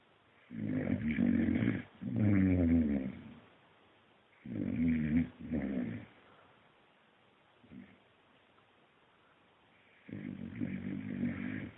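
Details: Akita dog snoring while asleep after a hard day of tail chasing: paired rough, rattling snores on each breath, with pauses between breath cycles.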